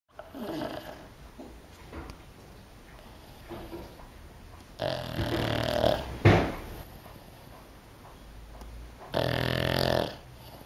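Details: Sleeping pug, described as the loudest-snoring pug: loud, rough snoring breaths with snorting bursts; snoring.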